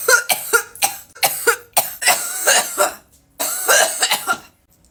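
A run of about ten harsh, explosive coughs in clustered bursts with brief gasps between, from an adult after inhaling vapor; a bout of irritant coughing.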